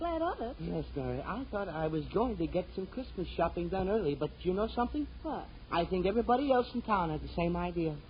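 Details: Adult male actor in a radio drama; normal voice.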